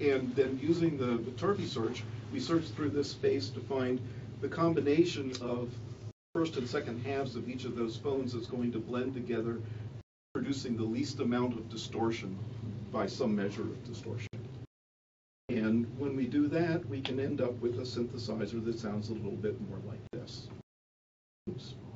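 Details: Adult male speaker; normal speech.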